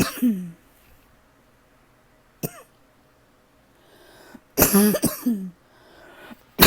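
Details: Adult coughing all night from a persistent throat tickle: about four short, harsh coughs in a quiet room; dry cough.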